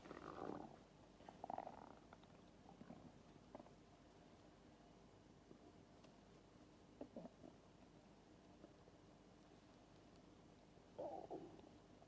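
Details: Empty stomach growling after about 13 hours without food (breakfast eaten, lunch skipped): soft, low gurgling rumbles in bursts separated by quiet.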